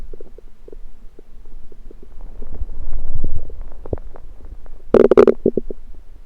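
Irregular gurgling and rumbling bowel sounds with a louder burst of gurgles near the end; ordinary stomach rumbling.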